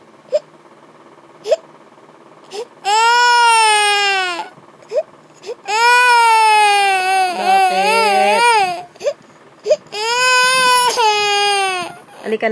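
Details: Infant crying after finishing their milk: three long, loud wailing cries separated by short breaths and whimpers.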